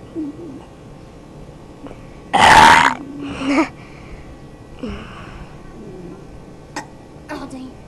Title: beast burps ever